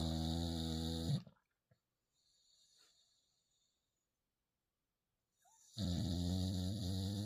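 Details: Sleeping pit bull/bulldog puppy snoring loudly: rattling snore breaths with a long quiet pause between them; ordinary dog snoring.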